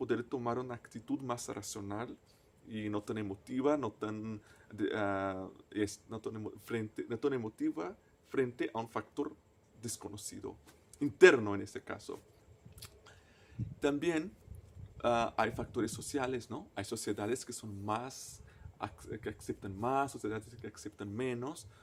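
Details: Person who stutters, a native Portuguese speaker speaking Spanish as a foreign language; stuttering.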